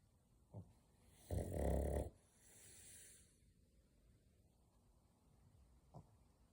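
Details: A pug snoring: a deep rattling snore lasting under a second, then a softer breath and small snorts.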